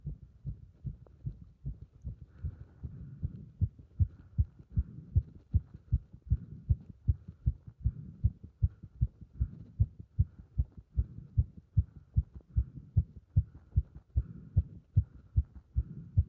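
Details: Heart sounds recorded with pressure on the chest during squats: fast, regular, strong heartbeats at roughly 150 a minute with rustling; a heart rate raised by exercise.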